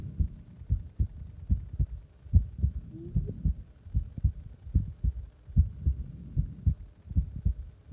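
Regular low thumping heartbeat at about 75 beats a minute, with a faint hum behind it.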